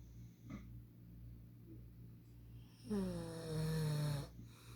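A low, rumbling snore on one breath in, with quiet breathing before it; ordinary snoring.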